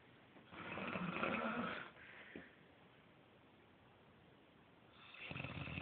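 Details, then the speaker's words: Adult woman (mom) snoring during sleep: two loud, rough snores about three seconds apart, with faint room noise between them. "Mom is up here snoring."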